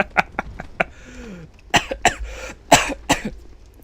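Several short, sharp cough bursts, with soft laugh-like sounds and a brief tonal squeak between them; coughing set off by laughing during a cold.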